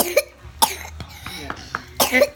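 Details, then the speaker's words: Several short, harsh coughs from a young child who is sick, no fever right now but still coughing, on steroids, with vomiting and faint voice sounds between the coughs; persistent cough. "you're not my fever right now so thank goodness but he's still coughing"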